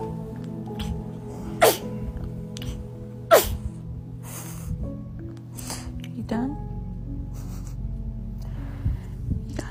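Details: Baby sneezing: two short, sharp sneezes over background music.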